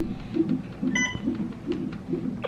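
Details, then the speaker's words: A single short electronic beep over a repeating low pulsing tone in a quiet hospital room: monitor sounds during labor induction, with the mother dilated from four to eight centimetres. "there's a lot of beeping going on from over here and there's like a doo doo doo over here i don't know what's going on it's been going on for a while"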